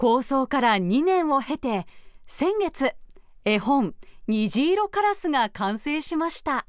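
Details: Adult female narrator; Normal speech.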